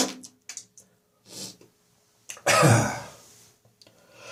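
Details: Several short throat sounds then one loud, harsh chesty cough fading slowly; residual morning cough while recovering from bronchitis without antibiotics.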